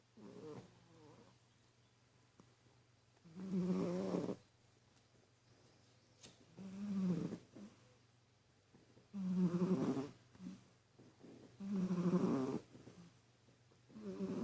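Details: Sleeping cat snoring: rattling, buzzing snores about every three seconds, around 20 breaths a minute, with quiet pauses between.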